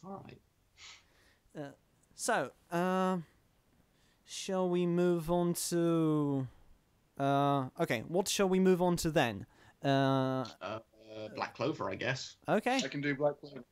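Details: Male podcast host who stammers, recording standing up in a new setup to see whether he stammers more or less; stuttering (stammering).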